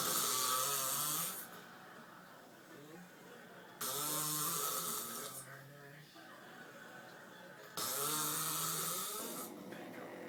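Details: Husband snoring: three loud, rough, rattling snores on inhalation, about 15 a minute, with quieter breathing between.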